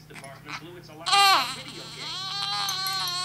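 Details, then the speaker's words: A baby being coaxed to coo: soft coos and grunts build into a high, wailing infant cry, with quieter fussing after and a low hum underneath; ordinary infant crying. "close to crying close to crying no no not crying cooing coing"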